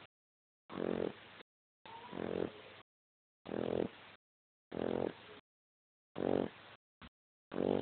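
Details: A 7-week-old Dogue de Bordeaux puppy snoring while asleep after lunch in a quiet room, with rhythmic, slightly tonal breaths of about 45 a minute, each a louder snore with a softer tail; snoring.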